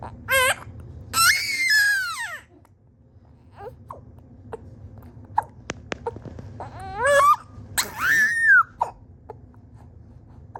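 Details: A baby girl with hiccups gets frustrated: fussy crying in short bursts and wails, with small hiccup catches between cries, in a quiet room.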